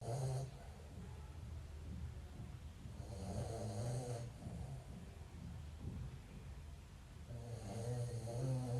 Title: Dog snoring#funny#dogstyle#😴😝